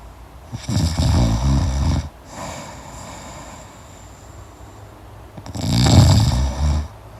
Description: Snore yourself to sleep listening to the crackling sounds of a deep sleep snore.